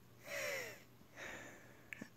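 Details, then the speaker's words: Adult woman with long-standing asthma during an asthma attack: shallow, deep laboured breaths with a high whistling musical wheeze. "hi everyone it's me this is what it's like to have an asthma attack if you can hear my breathing it's really shallow and deep because I've had asthma for so long and I'm so sick of taking my inhaler"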